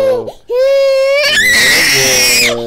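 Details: 18-month-old girl with walking and balance issues and a neck problem attributed to birth trauma, during a chiropractic session: loud, high-pitched wailing with a brief catch of breath, then a rising, strained scream; distressed crying.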